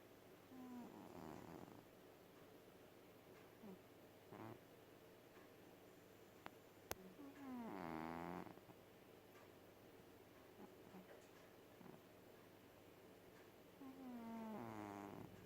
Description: Our cat Gatto is snoring :3